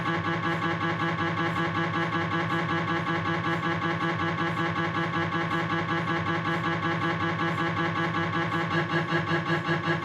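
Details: Steady, rapid rhythmic buzzing and knocking, about two and a half pulses a second, from a Philips 1.5T MRI scanner during a knee exam; MRI scanner noise.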